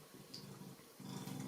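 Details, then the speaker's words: A dog lying right beside the speaker snores in the background of an indoor recording: snoring. "alors si vous entendez du ronflement c'est mon chien voilà désolé il est juste à côté j'espère que ça va pas vous déranger tout au long de la vidéo"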